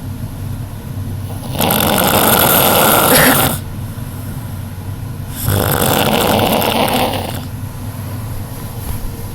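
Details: Child (niece) snoring: two long, harsh, rattling snores about four seconds apart, over a steady background hum.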